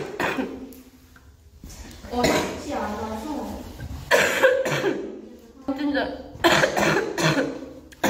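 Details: Girl coughing: several loose, voiced coughs separated by short pauses and breaths, in a small room.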